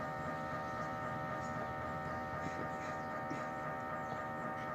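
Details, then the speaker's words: MRI scanner in a mobile trailer in a hospital parking lot, recorded from outside during an adult man's brain MRI checking a brainstem mass; steady loud droning hum with rapid rhythmic buzzing: MRI scanner noise. "more sounds of an MRI machine and the loudness coming from the trailer still"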